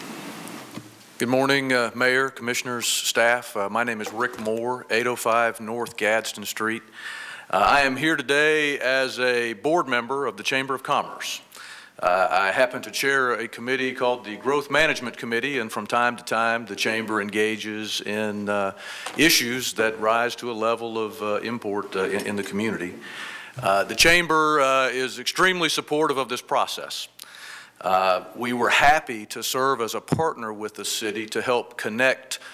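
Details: Adult male speaker; normal speech.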